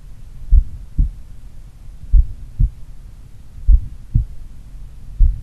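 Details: Normal heart sounds from a stethoscope in a person doing regular daily cardio training, recorded in the morning at pulmonary, Erb's point and mitral sites: slow, steady lub-dub about 39 a minute, with a slight S3 at the mitral site.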